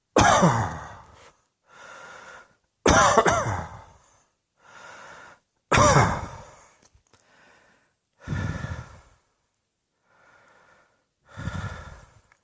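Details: Five forceful coughs, each followed by a noisy, drawn-out breath in, the last two weaker: cough.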